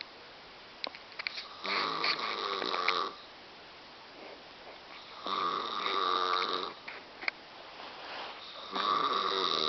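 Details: Adult woman napping on a bed lying sideways in an awkward position: loud, rattling snores on each in-breath, about three in ten seconds, with quiet gaps between; heavy snoring.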